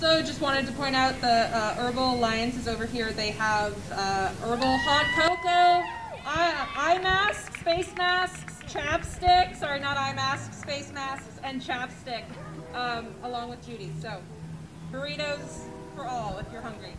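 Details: Adult woman speaking; Normal voice.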